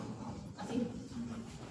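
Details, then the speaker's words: An adult imitates a child's harsh, squeaky, pig-like choking noise on breathing in: the inspiratory stridor of epiglottitis, where the swollen epiglottis obstructs the airway. "Cuando estámatizada sí se ve y entonces es como si permanentemente estuviera cerrado y cuando el niño trata de abrirlotis hace un ruidito muy raro, como si estuviera ahogando, como si fuera como cuando se ríen como chanchitos"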